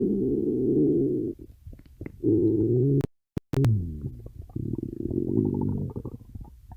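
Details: Stomach growling: low gurgling rumbles and squeaky bubbling tones with a brief dropout midway, gas and fluid moving through the gut; borborygmi.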